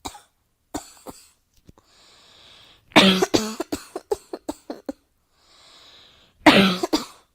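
Repeated coughing in a quiet room: two to three single coughs, then two bursts of rapid coughs, each ending with a hissing in-breath.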